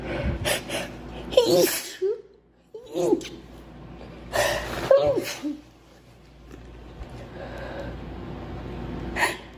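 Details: Girl sneezing: run of sneezes, each led by a quick gasping intake, with a pause midway and a final sneeze.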